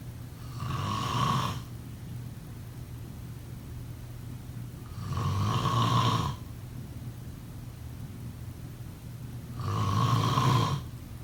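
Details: Three rough inspiratory snores, about 14 a minute, over steady room hiss: ordinary snoring during sleep.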